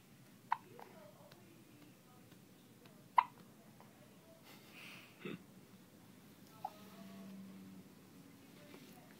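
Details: Baby with hiccups, with mother: three brief, sharp clicking hiccups spaced a few seconds apart, with faint voices and room noise; hiccups.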